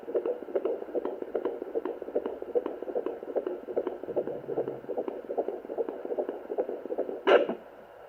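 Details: Fetal heartbeat at 14+4 weeks of pregnancy on Sonoline home fetal Doppler, first use: fast, regular whooshing pulses over steady Doppler hiss, brief scrape near the end.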